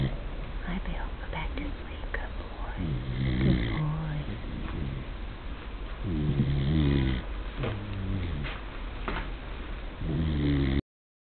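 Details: Loud, rough, vibrating snores, roughly 17 a minute and somewhat irregular, with room noise and a brief spoken greeting; snoring.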